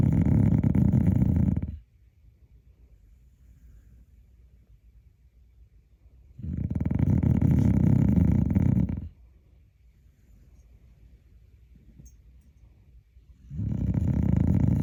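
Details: Sleeping dog that snores like a hog: loud, deep, rattling snores on each in-breath, about every six seconds, with quiet pauses between; heavy snoring.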